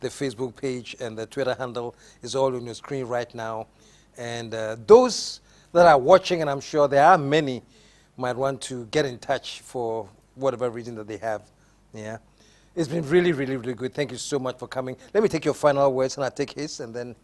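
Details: Adult male speaker; fluent speech.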